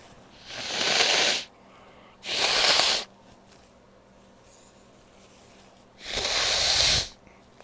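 Three long, hissing blasts of air through the nose, like a nose blow or forceful stifled sneezes, separated by quiet pauses.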